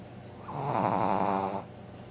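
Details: One rattling, buzzing snore on a single breath lasting about a second from a sleeping Brussels Griffon dog; snoring.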